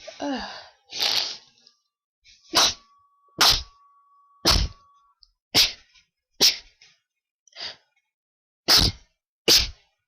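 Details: Person with a very tickly nose deliberately sneezing in different styles on request: about ten sharp, explosive sneezes in quick succession within ten seconds.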